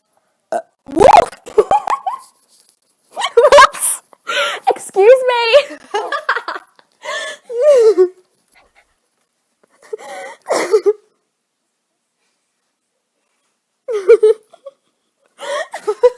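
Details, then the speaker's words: Belching recorded on a livestream: several short, voiced, throaty, croaking burps between brief speech sounds. "whoops i'm literally i literally rewinded like 10 seconds and watch myself burp again online"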